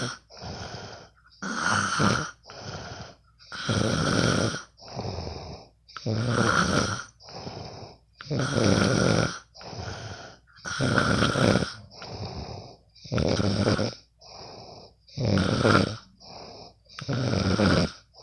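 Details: Friend recorded while asleep: loud, rough snores alternating with softer breaths, about 13 breath cycles a minute: ordinary snoring.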